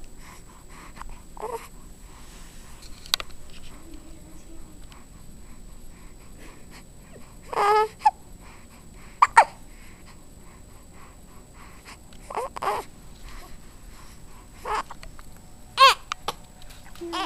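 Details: 13-day-old infant during tummy time, which the baby dislikes: about six brief, abrupt catching sounds over seventeen seconds, roughly twenty a minute, against quiet room noise, infant hiccups.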